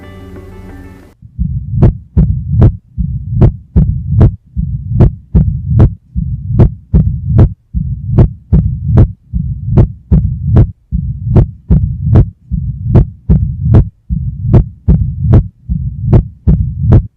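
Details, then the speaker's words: Mitral stenosis: regular heart sounds near 76/min with low-pitched rumbling mid-diastolic murmur, best heard at the apex in left lateral decubitus, may be preceded by an opening snap. "Estenosis mitral. Por antonomasia, el soplo mesodiastólico o telediastólico típico es el originado por la estenosis mitral. Este soplo se ausculta mejor en el foco apical y en decúbito lateral izquierdo."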